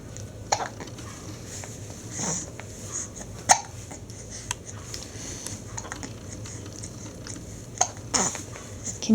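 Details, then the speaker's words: Infant hiccups in a baby boy nearly seven weeks old, loud sharp brief hiccups every few seconds over steady room noise; a normal finding. "so tell us about those hicups what do you think what do you think oh they're so loud yeah they're really loud aren they"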